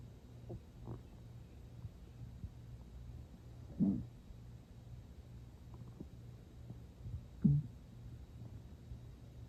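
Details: Two short, low gurgling rumbles in a quiet room: stomach growling (borborygmi) in someone not very hungry who ate not long before; water drunk toward the end.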